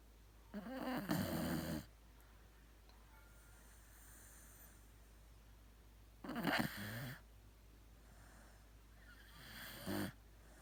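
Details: Sleeping pet dog snoring: three loud, rough snoring breaths over about ten seconds with quiet pauses between them.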